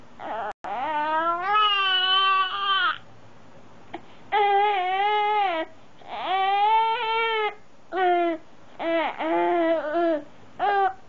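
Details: 5-month-old infant: repeated tonal crying bursts with short catches between them; ordinary infant cry.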